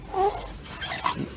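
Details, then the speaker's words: Child with harsh, grating, partly whistling biphasic stridor heard in both breathing phases, from a tightly narrowed airway below the vocal cords. "Vean este exteriores diferentes escuchan las dos fases de trifas"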